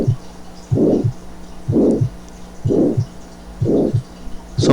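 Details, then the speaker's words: Simulated aortic valve stenosis heart sounds at about 62 per minute: first sound, opening snap masked by a loud diamond-shaped (rhomboid) mesosystolic murmur running up to a diminished second sound, clean diastole. "y el primer ruido tú aquí está el chasquido de apertura que está enmascarado por el soplo y el soplo romboidal"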